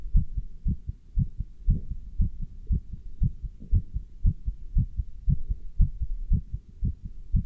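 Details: Person wearing a stethoscope with a chest band while standing still and lifting dumbbells: fast, regular heartbeat at about 118 beats a minute during exertion; normal heart sounds.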